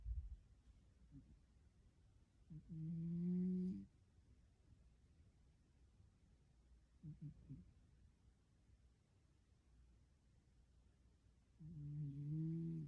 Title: いびきかいて爆睡の猫 #猫 #いびき #cat #kitty #snoring